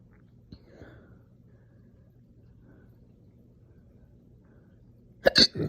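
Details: Mostly quiet, then three sharp, loud throat bursts near the end: slow but aggressive, painful hiccups run together with burps after breakfast in the morning; hiccups with belching.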